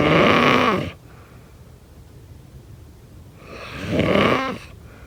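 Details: Snoring.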